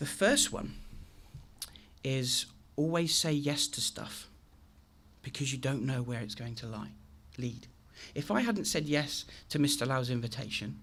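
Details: Adult male with a very chronic stammer since age three, demonstrating how his speech sounded on a bad day; stuttering (stammer).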